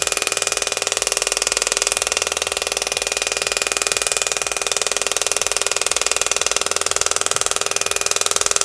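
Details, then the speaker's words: Extracorporeal shock wave therapy device (tip 5, preset 2500 impacts, 10 Hz, 100 mJ) applied with ultrasound gel to thigh cellulite, said to be painless: rapid, steady mechanical tapping pulses. "so you have to use ultrasound gel so it's preset at 2500 impacts 10 hertz with 100 mj it doesn't hurt at"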